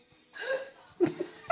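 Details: Hiccups in a person, recorded in cold weather: short abrupt hiccup-like catches with a brief voiced squeak between them.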